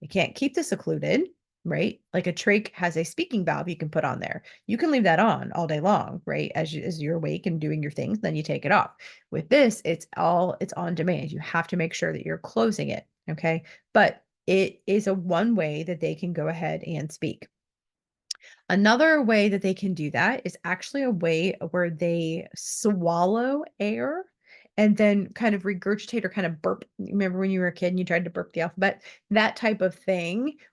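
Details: Adult instructor; typical speech.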